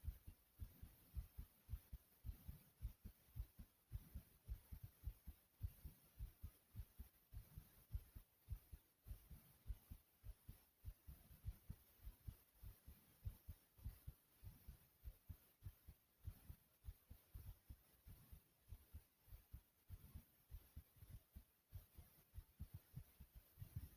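Strong, steady low thumps of an adult heartbeat, each beat heard as a lub-dub pair.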